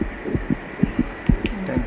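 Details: Fetal heartbeat on ultrasound, heard for the first time during pregnancy: rapid, regular whooshing pulses at about 128 beats/min.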